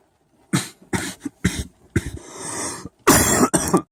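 A run of about seven short, harsh coughs in quick clusters, with a breathy rasp between them.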